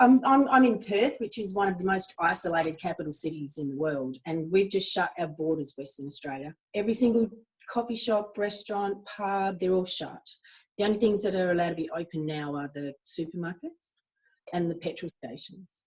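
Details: Adult woman speaking; ordinary speech.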